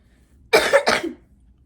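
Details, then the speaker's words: Two quick, harsh coughs in close succession from an adult who has the flu, in a quiet room. "as you can hear, I caught the flu when I went back home. I got the flu."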